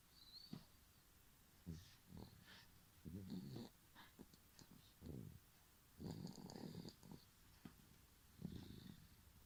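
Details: Snoring: irregular low, rattling snorts and snuffly breaths recur every second or two, with short quiet pauses between them.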